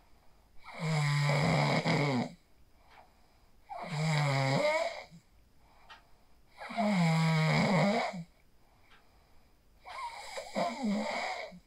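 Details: Phone recording of a person asleep after practicing the 4-7-8 breathing technique: four loud, rough, fluttering snores on breathing in, about 20 breaths a minute, with quiet gaps; ordinary sleep snoring.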